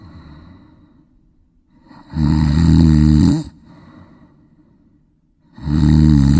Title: 10分钟打鼾声～10mins snoring sound effect～